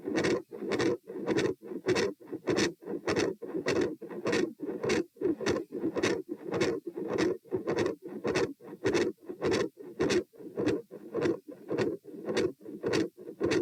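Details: Auscultation stress test at position P, 90-126-72 bpm across sitting, standing and lying: machinery-like heart murmur, described as intermittent, with loud S2.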